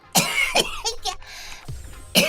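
Several short, forceful coughs from a child with brief pauses between them.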